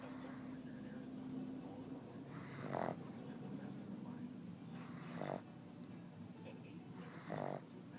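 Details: Sleeping dog snoring: soft, regular snuffling snores about every two and a half seconds over steady room noise; snoring.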